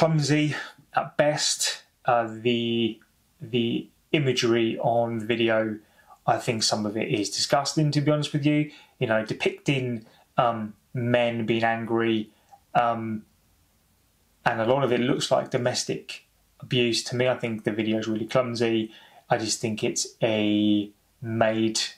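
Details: Stuttering (stammering) in an adult man who says he has stammered for over 30 years, heard in spontaneous English speech.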